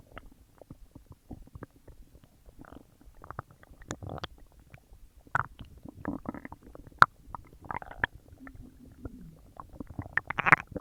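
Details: Loud bowel sounds (borborygmi) from the belly while a huge meal digests: continuous bubbling, gurgling and popping.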